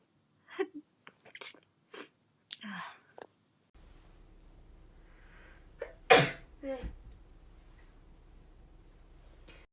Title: Cute Japaneze girls sneezing くしゃみ58